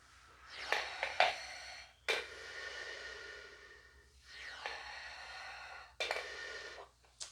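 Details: Two long, forceful inhalations through a Respiron ball-type incentive spirometer by a physiotherapist with self-assessed limited inspiratory flow, who failed to raise all three balls on the second; hissing airflow and clicking balls in a small room.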